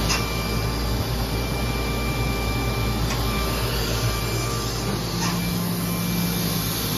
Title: 2017 Aesculight Co2 Surgical Laser in Iowa